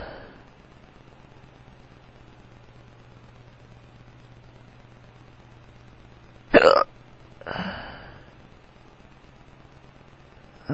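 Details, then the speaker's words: Drunk adult man with powerful hiccups that hurt his tummy, two forceful hiccups about a second apart over a low hum, the second softer and trailing off; hiccups. "My hiccups sound weird. I need some water."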